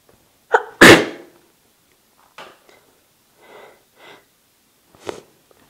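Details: One sneeze followed by nose blows.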